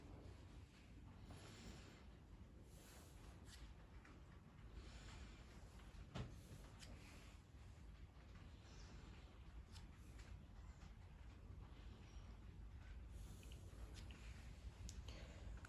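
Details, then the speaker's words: Auscultation between the scapulae and beside the sternum at the 1st–2nd intercostal spaces: soft, steady breath sounds of moderate intensity and medium pitch; normal bronchovesicular breath sounds. "Ahora, el murmullo broncovesicular. Este es un sonido de intensidad moderada y tono medio. Se localiza entre las escápulas y por fuera del esternón, entre el primer y segundo espacio intercostal."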